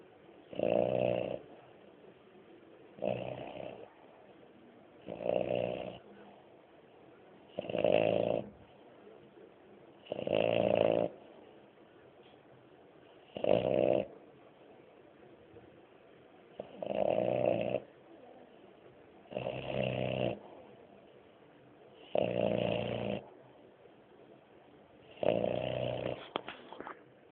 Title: french bulldog snoring-moby